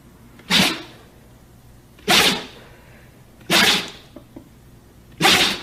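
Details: Dog sneezing: four sharp, hissy nasal bursts a second or two apart.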